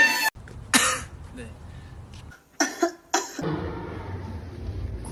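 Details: A few short, sharp cough bursts, one resembling a throat clear, with faint background music; coughing.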